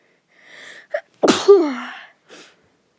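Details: Single sneeze in a person with a cold: soft hissing in-breath and quick catch, then sharp explosive burst with falling voiced tail and brief exhale; sneezing.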